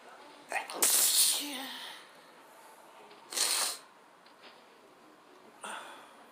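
Three sharp, hissing sneezes a few seconds apart, the first the loudest, part of a sneezing fit.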